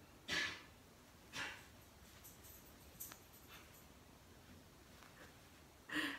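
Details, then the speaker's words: Dog sneezing repeatedly in a quiet room: three short, sharp, hissy bursts a few seconds apart with fainter puffs between. "don't know if you can hear my dog sneezing but uh this is my favorite ske"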